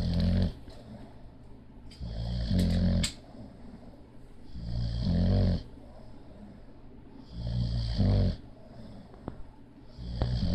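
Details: Bulldog snoring while asleep: loud, deep, rattling snores, about 23 breaths a minute, each inward breath a long rumbling snore.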